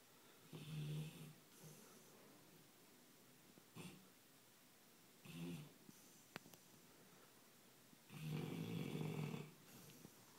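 Low rattling snores on a slow breathing rhythm, with quieter breaths between; ordinary snoring in a sleeping dog.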